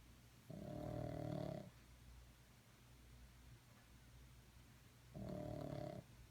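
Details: Two buzzing snores about five seconds apart, with quiet breathing between, from Seamus, a sleeping pet, resting on a Monday afternoon; ordinary sleep snoring.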